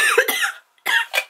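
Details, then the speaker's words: Two loose, harsh coughs from an adult with severe nighttime coughing for the last couple of days, plus sneezing and sore throat during heavy pollen season, unrelieved by medication. "I've been up all night the last couple days with coughing, severe coughing, and I've been sneezing, and my throat hurts, and nothing helps."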